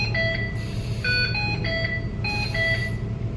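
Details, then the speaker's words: Ventilator showing a disconnect alarm: repeating electronic tone sequences over a steady machine hum, while staff discuss lowering or silencing the alarm volume in the sound menu. "ठीक है sir इसका alarm थोड़ा सा कम कर disconnect है लोग दिखा रहा है ये लोग अलार्म से ऊपर साउंड साउंड साउंड मेन्यू में जाके बंद कर"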